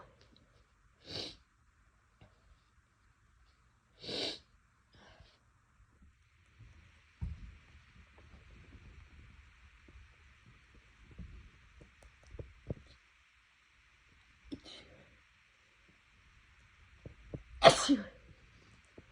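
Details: Nose bothering them recently, sneezes bigger and louder than normal, cause unknown: four sharp sneezes, the last loudest, separated by quiet rustling and a faint steady background hum.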